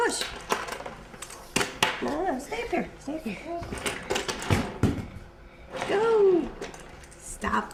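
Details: Toddler with autism interacting with an adult; echolalia.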